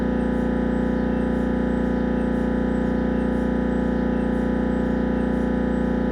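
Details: Siemens Magnetom Avanto MRI during a head scan: loud, steady, rapid mechanical buzzing and knocking at about 160 pulses a minute; normal MRI scanner noise.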